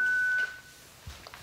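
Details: Steady high tone cut off abruptly, then a soft thud and clicks: corpuls1 shock paddles delivering an asynchronous defibrillation shock with gel and about 8 kg pressure in a training simulation.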